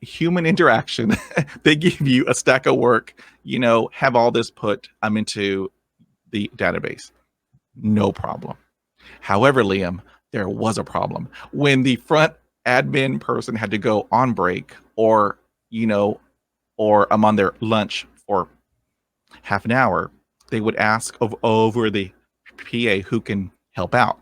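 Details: Adult man who has stuttered since growing up; real, unscripted adult stuttering.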